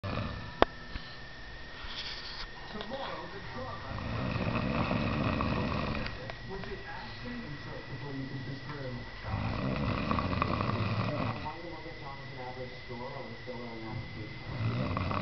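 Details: A man snoring on the couch: repeated rough, rumbling breaths rising and falling over several cycles, with a faint background hum.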